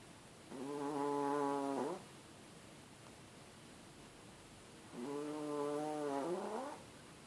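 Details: Sleeping chihuahua: two long, whistly, buzzing breath sounds about four seconds apart, with quiet breathing between; snoring.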